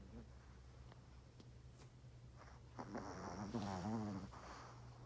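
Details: Yorkie dog sleeping soundly: quiet start, then a loud rattling snort-like snore with fluttering vibration near the end; very loud snoring.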